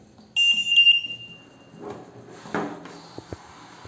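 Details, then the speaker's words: Trilogy home ventilator, for invasive and non-invasive patients, switched on via the power button to start therapy: brief loud high-pitched electronic self-test alarm tone, then quiet clicks and air sounds. "Lembramos que o aparelho deve ser conectado 24 horas ao no-break e no botão de liga e desliga iniciamos a terapia."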